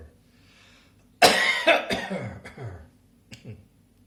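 A burst of about four harsh coughs in quick succession, fading in strength, then a final pair of smaller coughs.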